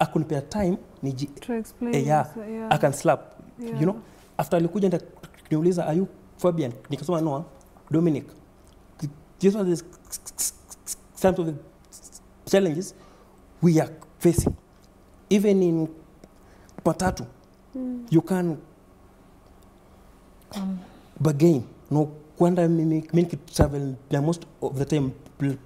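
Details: Man under 30 who stammers, reporting repetition, blocks, prolongation and added syllables; stuttering.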